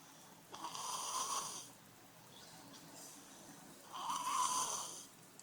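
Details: Baby boy snoring loudly in sleep: two soft, high-pitched, whistling inspiratory snores about three seconds apart in a quiet room.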